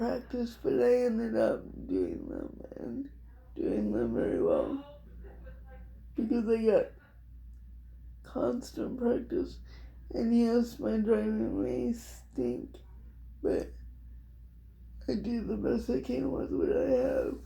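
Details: Adult woman with cerebral palsy diagnosed at 6 months, level 4 or 5 by her own estimate, affecting her whole body including her speech somewhat and her hands; also has dystonia; dysarthria (cerebral palsy).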